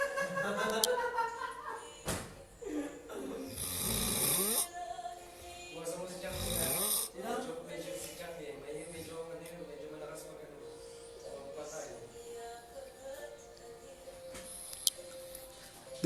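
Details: Man (Johnny) snoring loudly in live recording: harsh snores coming and going under music and talk, described as sleep apnea snoring.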